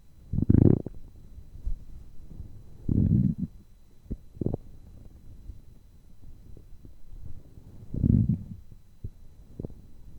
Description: I recorded the hunger sound of my stomach for the first time in a long time!